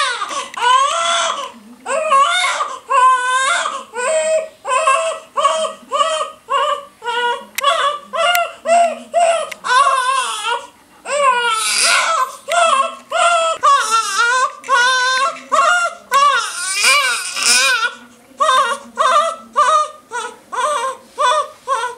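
A newborn cries in short, rhythmic, high-pitched bursts with brief breaths between, a hunger cry.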